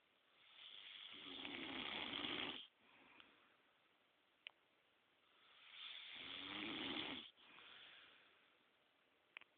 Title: Snoring Badly